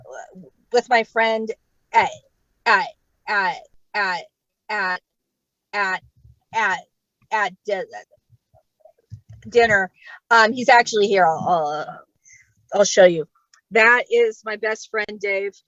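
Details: Adult female stand-up comic who stutters, real stuttering in a live set with word repetitions; stuttering.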